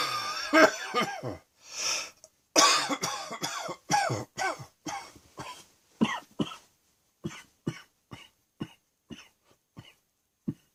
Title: Afternoon Wheezing and Coughing 2